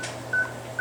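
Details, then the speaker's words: Short high tonal beeps over a low room hum from a veterinary anesthesia monitor with ECG and blood-oxygen readings, each marking a heartbeat of an anesthetized animal during surgery. "And you can see that being registered across. Hear the beeping, so we'll know the heartbeats."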